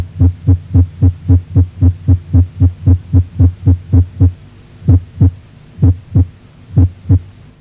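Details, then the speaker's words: Very fast, regular heartbeat near 220 a minute abruptly slows, with pauses and paired beats, during vagal stimulation by carotid sinus massage or Valsalva maneuver; supraventricular tachycardia slowing with the vagal maneuver. "el estimulo vagal por masaje del seno carotídeo o por maniobra de valsalva en lentes del hasta que arritmias supraventriculares y en algunos casos permite su reversión a ritmo sinusal"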